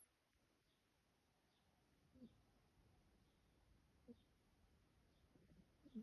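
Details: Soft, brief snorts about every two seconds in a quiet room from a sleeping adopted shelter cat (female): light cat snoring.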